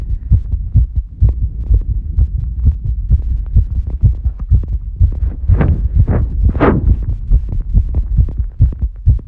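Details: Female heartbeat after squats: fast, strong heartbeat at roughly 128 beats per minute, a normal exercise-related rise in heart rate.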